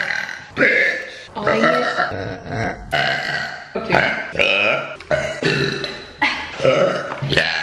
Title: RANDOM GIRLS BURPING! (PART 2)